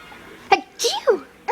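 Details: Baby: a short, sharp sneeze burst followed by voiced, giggly sounds; a sneeze with laughter after it.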